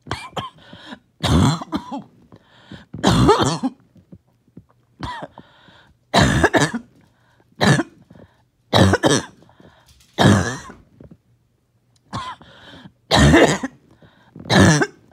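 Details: First coughing fit of the day, with mucus that would not come up; repeated harsh coughs and throat clearing in clusters.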